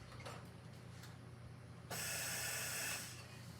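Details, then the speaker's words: Soft mechanical hum, then a one-second rush of airflow from a Mallard 2800 anesthesia ventilator; flow rate turned down with 1-second inspiratory time, giving a smaller tidal volume than the roughly 8 liters before. "I'm going to turn my flow rate down I'll still be pushing for a second"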